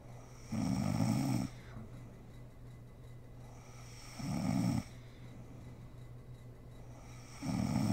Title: SNORING MOM SLEEPING ASMR SERIES